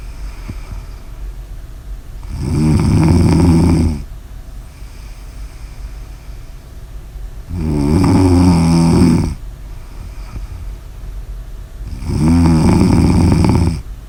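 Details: Snoring: three loud, rattling snores on the in-breath, about 13 breaths a minute, with quieter breathing between them.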